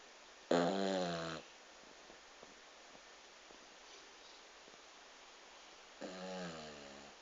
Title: Lily the yorkie is snoring